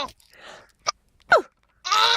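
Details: A boy with hiccups: two brief, sharp, voiced catches about half a second apart, with a breathy sigh before and a louder vocal sound after.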